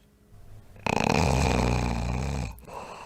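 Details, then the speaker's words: Snoring in obstructive sleep apnea, with breathing stopping periodically and silent pauses between the snores. "and so there's a pretty distinctive sound to the sort of snoring that goes on where people are actually stopping breathing periodically so let's listen to that"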